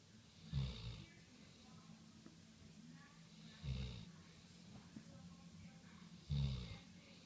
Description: Mac, our golden retriever snoring while he's being petted.